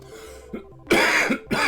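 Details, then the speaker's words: Adult with wheezing who has been hacking and coughing all morning and suspects pollen as the cause: coughing. "now this morning i've got to check the pollen count because holy smokes you can probably hear me wheezing i've been hacking and coughing all morning"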